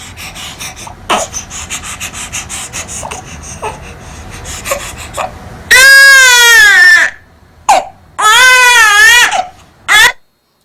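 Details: Newborn infant, overheated in a warm room with heat rash: quick breathy panting then loud open-mouthed 'ah' cries; sleepy cry of a baby too hot to fall asleep, who slept once moved somewhere cooler.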